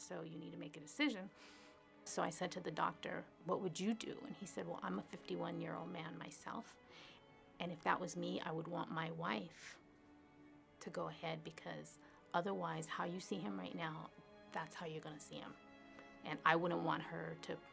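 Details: Adult woman speaking; ordinary speech.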